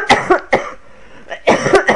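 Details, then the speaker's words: Adult woman's harsh coughing, two groups separated by a brief pause, in a small room; she is trying to suppress it, cannot take cough mixture because of stomach bleeding she attributes to taking too much Nurofen. "too well I don't want to hear my coughing any I'll try and suppress that but I can't take cough mixture at the moment"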